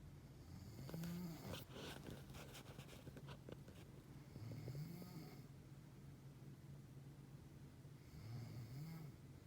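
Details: Adult woman (mother) snoring in sleep: low, rumbling snores recurring every few seconds over faint room noise; snoring.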